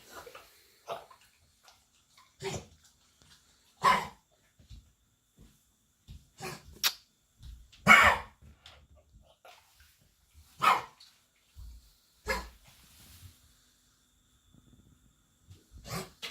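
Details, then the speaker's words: Labrador with kennel cough, an infection caught after days in a boarding kennel and treated with antibiotics, gives repeated short, harsh honking coughs with gagging pauses; kennel cough. "значит у собаки барьерный кашель жила в вольере несколько дней пока мы были в командировке"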